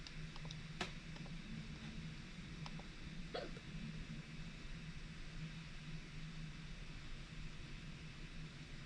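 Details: Hiccups recorded without speech: a couple of sharp, brief throat clicks over a steady room hum.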